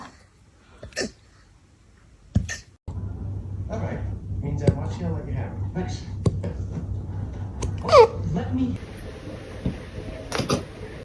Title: After hearing my dog's hiccups, I want to start a band.🥁🐶🎸#dog#pet#foryou#funny#animals